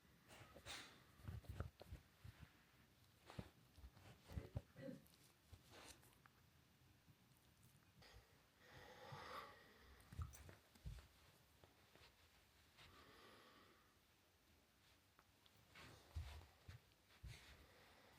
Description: Watch as our cute cavapoo puppy has to stop play for a sneezing fit.